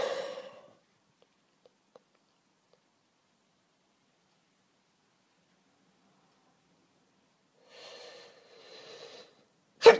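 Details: Female with cat allergy, just home, sneezing: a forceful sneeze fading out, quiet, then two muffled held-back bursts and a sharp final sneeze.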